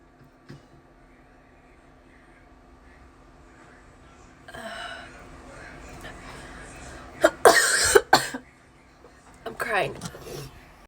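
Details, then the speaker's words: Person coughing while cleaning ears with a Q-tip: a quick cluster of about three sharp, harsh coughs in a quiet room, recurring with every ear cleaning; ear-cleaning-triggered cough. "is it just me or does anyone else have like a cough attack every time relax relax I can't help it I literally I'm cleaning my ears"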